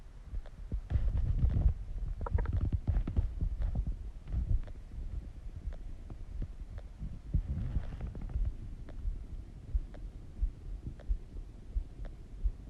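Irregular low gurgles and rumbles with scattered pops, loudest at the start. Normal bowel sounds of digestion.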